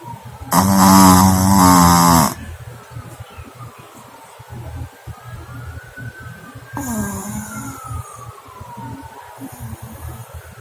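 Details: Shih Tzu puppy snoring while asleep, then irritated on being woken by its owner; snoring.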